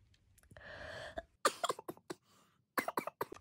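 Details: A short run of hoarse, irregular coughs and throat-clearing bursts from an adult sick for about five days, off work and awaiting a COVID check.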